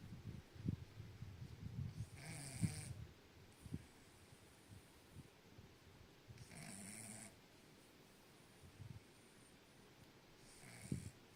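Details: Dog deeply asleep in owner's arms, snoring; soft, low snoring breaths with light snorts, a few breaths over about eleven seconds; ordinary snoring.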